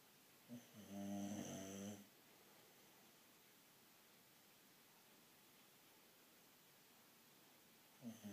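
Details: Loud, rattling snore from George, a sleeping Boxer dog, lasting about a second and a half, followed by quiet breathing and the start of the next snore; dog snoring.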